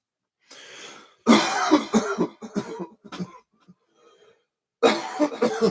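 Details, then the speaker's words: An adult gives a breathy throat clear, then a short run of harsh coughs and a second bout, after talking a lot; cough with throat clearing. "Pardon me. Talking a lot makes you cough after a while."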